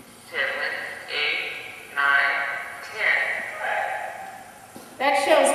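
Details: Apraxia of speech in a woman who does much better on automatic speech tasks than on propositional questions, even when she knows the answer.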